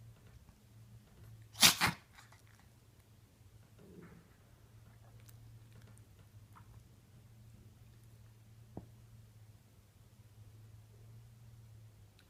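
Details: A Pomeranian dog gives one sharp, explosive double sneeze in a quiet room, then goes quiet: sneezing.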